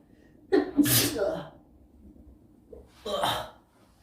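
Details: A quick in-breath, then a loud explosive sneeze and a second short burst a couple of seconds later; ordinary sneezing, attributed to a BTS member.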